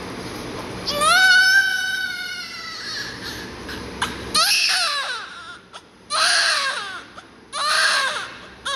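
Loud, clear, strong newborn cries in repeated bursts with quieter breaths between; a vigorous, normal-sounding cry.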